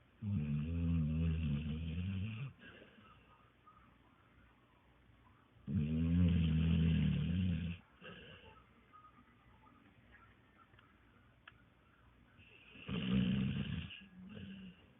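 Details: Sleeping bulldog snoring like a grown-up: loud, low, rattling snores on each inhale, about three in fifteen seconds, with quiet exhales between.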